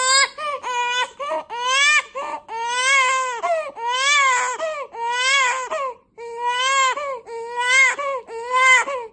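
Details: A 1-month-old baby's suspected colic during the evening "witching hour": loud, high-pitched, sustained rhythmic wailing in bursts about once a second, with music in the background.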